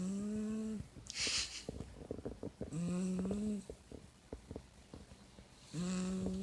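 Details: Loud, steady buzzing snores from a sleeping male, about three in the span, with quieter noisy breathing between them; snoring.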